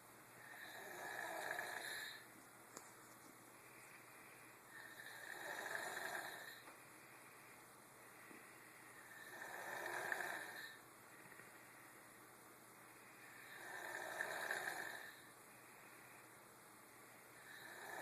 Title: 10 yr old snoring- WOW!!